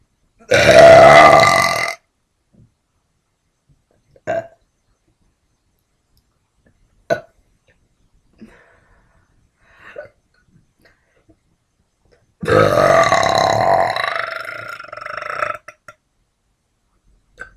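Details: Woman burping: two long, loud, voiced belches a few seconds apart, with small clicks and swallowing sounds between them.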